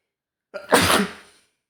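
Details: Adult male with a horrible cold for over a week, at home: brief inward breath then a single forceful explosive sneeze through nose and mouth; sneeze.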